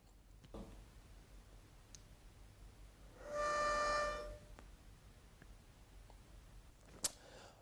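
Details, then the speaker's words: Inhaler technique demonstration with an AeroChamber spacer: a steady high whistle lasting about a second during inhalation, the flow warning that the breath is being drawn in too fast. "and so the good thing about this device is that it'll make a whistling sound if you're breathing in too"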